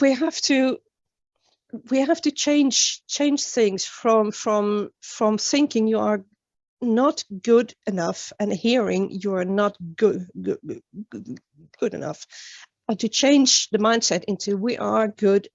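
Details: Stuttering in a woman from Sweden, an international stuttering advocate, with onset at age nine; many word and phrase repetitions heard during a conference talk; finding: stuttering.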